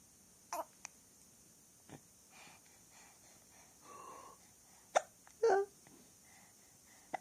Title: Baby hiccups